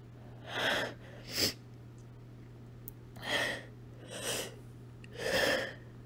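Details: Adult female, deliberately sneezing after deep inhales of chili powder from a shaker: a series of about five explosive, airy sneezes with breaths between, over a steady low room hum.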